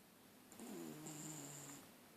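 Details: Very tired dog sleeping, snoring with one drawn-out breath carrying a low, humming tonal rattle and a faint high whistle.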